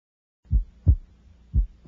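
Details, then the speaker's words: Normal adolescent S1 and S2 heard over the second intercostal space, S2 made of A2 and P2 splitting more widely on inspiration; clear low lub-dub at about 60 a minute. "note that the second sound is composed of two components A2 and P2 separated more widely during"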